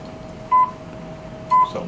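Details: Class IV therapy laser on the lower back, demonstrated for a presumed L4–L5/L5–S1 herniated disc and applied in slow circles: two short steady beeps about a second apart over quiet room hum, the emission tone.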